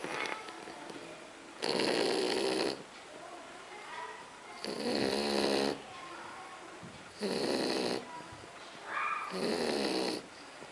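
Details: French bulldog snoring: four loud, rattling snores with a buzzing, vibrating quality and quieter breathing between; snoring.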